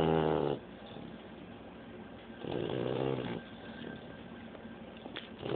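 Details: Sleeping puppy snoring: slow, rattling snores, roughly 20 breaths a minute, with quiet pauses between.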